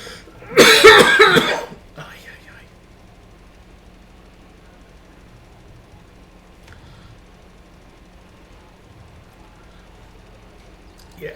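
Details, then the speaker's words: Adult with a sore throat from recent bouts of acid reflux and indigestion: one harsh, forceful cough burst, then quieter throat-clearing, then near silence; cough. "so among my indigestion issues this week I've had a couple of bouts of acid reflux which has left me with a sore throat which is why it sounds like I'm coughing up in a lung"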